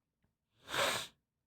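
A single short, hissing sneeze burst lasting about half a second in an otherwise quiet room.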